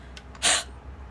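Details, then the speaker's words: A person with postnasal mucus demonstrates a single breathy, forceful open-throat huff cough used instead of throat clearing. "So think about when you are huffing to fog up the lens of your reading glasses or your sunglasses, and you're going to make that noise, but you're going to do it a little forcefully. So when you feel something stuck in your throat, a little bit of mucus, you just do this."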